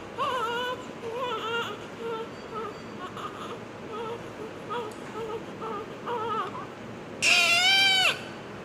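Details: Short, thin, whimpering cries from a newborn just after delivery, then one louder full cry, over steady room noise.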